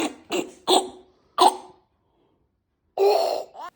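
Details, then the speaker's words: Adult imitation of a child's croup cough: four short, harsh, seal-like barks, then a longer barking burst, as heard when a child wakes at night with croup. "So, if you have ever been woken up in the middle of the night by your child's little terrifying barking cough and it sounds like this little seal,"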